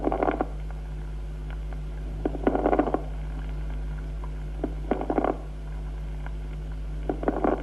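Repeated bursts of low, bubbling, gurgling pops with each breath, about every two seconds, over a steady background hum: medium and coarse crackles.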